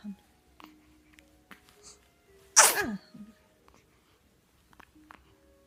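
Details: Newborn baby: one sharp, high little sneeze amid quiet room sounds and soft background music; sneeze.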